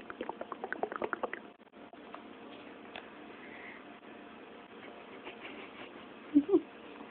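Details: Bubbly gurgling bursts, a quiet stretch, then two louder squeaky gurgles: ordinary stomach growling (bowel sounds).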